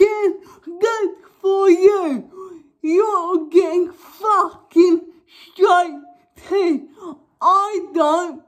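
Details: Young woman with cerebral palsy causing involuntary movements, now wearing braces on her top and bottom teeth; dysarthric speech in cerebral palsy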